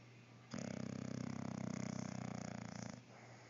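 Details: Snoring: a single drawn-out, low, rattling snore lasting about 2.5 seconds, with a fast fluttering vibration throughout.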